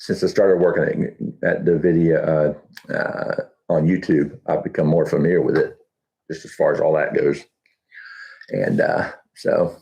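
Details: Adult man with Huntington's disease about 12 years after diagnosis (10 years also stated), reporting that talking has become challenging and that his thinking is less methodical than two years ago; hyperkinetic dysarthria (Huntington's disease).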